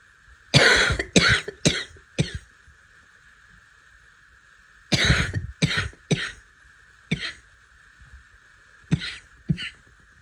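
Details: Three short bursts of harsh, forceful barking coughs in clusters of three to four over a steady background hum, after trying to suppress a cough for a long time; barking cough.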